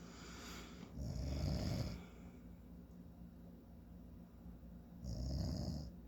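Two low, rough snores about four seconds apart, roughly 15 breaths a minute, with a hissing exhale between them.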